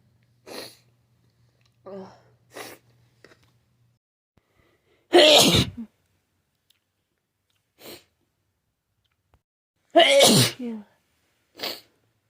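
Two loud explosive sneezes, each followed by a short gasp or sniff, with softer sniffs and breaths between them; repeated sneezing.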